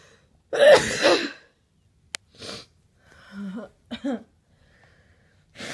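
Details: One loud, explosive adult sneeze, then several shorter noisy bursts of blowing the nose into a large men's handkerchief.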